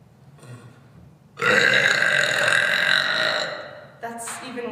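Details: From a compilation of loud burps: one long, loud, rumbling belch lasting about two seconds, followed by a short vocal sound.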